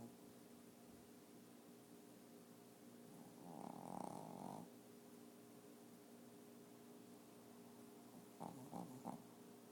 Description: My shih tzu was taking a nap and snoring up a storm!